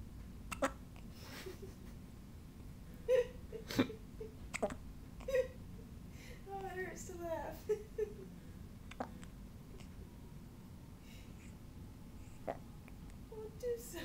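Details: Newborn's first hiccups after birth: brief, sharp hiccup sounds at irregular intervals with faint whimpering in a quiet room; hiccups.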